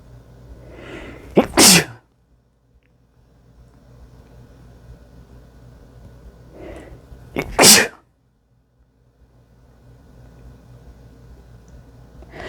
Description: wet chikni sneezes on a mirror